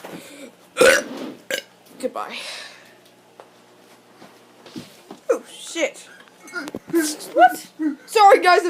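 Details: Kid burping deliberately while complaining that his stomach and ribs hurt: several short, throaty belches, some drawn out, with brief voice sounds between them in a quiet room.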